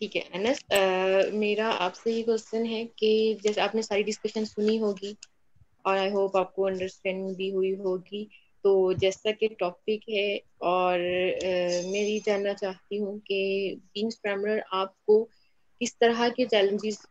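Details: Adult woman speaking Hindi; fluent speech.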